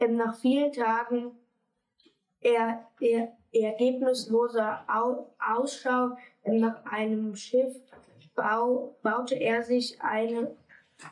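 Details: Stuttering in a 10-year-old boy reading aloud before DELPHIN stuttering therapy, with audible word repetitions.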